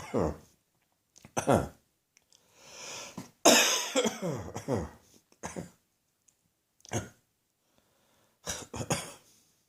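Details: Persistent cough that won't go away, recorded in the morning: repeated harsh coughs in clusters, with a noisy indrawn breath partway through a lingering coughing fit.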